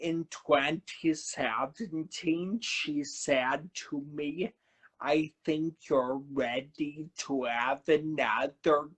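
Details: Man who had a cerebellar stroke at age 35 in September 2013, initially unable to talk, with a paralyzed vocal cord and aphasia mentioned; dysarthria with dysphonia after stroke.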